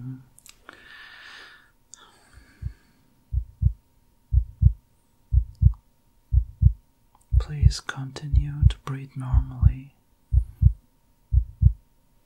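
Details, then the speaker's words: ASMR doctor role-play with a heartbeat added as a layered sound: steady, regular heartbeat at about 60 beats a minute, with soft whispering and rustling over it; normal heartbeat. "ทุกอย่างดูเหมือนจะดีเราสามารถเริ่มได้ยินเสียงหัวใจของคุณ"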